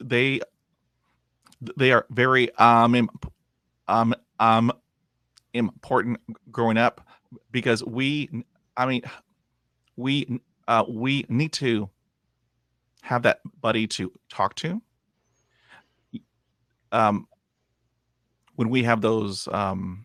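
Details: 51-year-old man with lifelong stuttering after 20 years of speech therapy, self-described as about 80 percent improved but still blocking and repeating.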